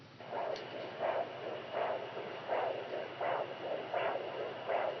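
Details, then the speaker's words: Home handheld fetal Doppler over mother's abdomen: rhythmic whooshing fetal heartbeat, fast, said to fluctuate low then high; parents excitedly find the sweet spot. "oh my gosh oh my gosh that's our little nuggets heartbeat oh my gosh eating fast"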